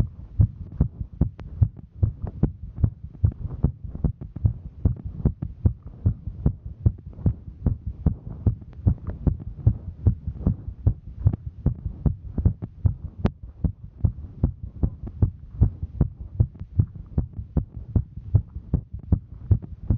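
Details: A woman's heartbeat while hiking: fast, steady, regular thumping over a low hum; a rapid heart rate from exertion.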